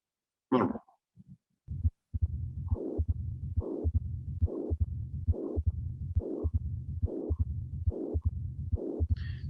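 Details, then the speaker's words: Regular heartbeat near 70 a minute; first cycle filtered without regurgitation, then rumbling diastolic murmur plus systolic regurgitant murmur, the typical auscultatory finding of mixed mitral stenosis and mitral regurgitation. "this is the the typical ascultatory finding with not only uh the murmur of diastole but also the systolic murmur"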